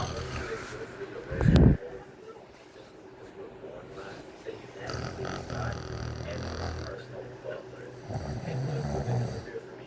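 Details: A 12-year-old Latino snoring loudly while lying on his back with his mouth open, recorded by his younger sister.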